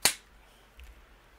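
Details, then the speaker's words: Adult with diabetes changing Medtronic 630G insulin pump site on her side; single sharp snap as the spring-loaded inserter fires, then a faint soft click; infusion set cannula insertion. "so I'm going to hold this up and it's like a spring-loaded machine and you just click one two three and"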